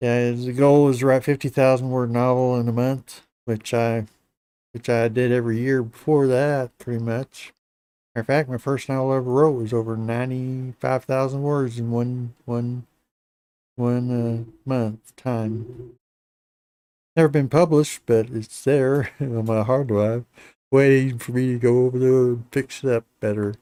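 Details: Hypokinetic speech in an adult man with Parkinson's disease for a little over 10 years, treated with deep brain stimulation since 2017; he reports his voice is less clear than in earlier years.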